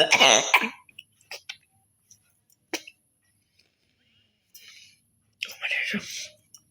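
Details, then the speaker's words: Woman who currently has a cough doing a deliberate hawking-cough challenge: harsh hacking throat-clearing and short cough bursts with small clicks and pauses between; an acted, deliberately produced cough. "তো একটু ভালো কাশি কাশি হয়েছে, তো চলো ভাবলো কক চ্যালেঞ্জটা করাই যাক। তো হকিং কক চ্যালেঞ্জ করবো আজ।"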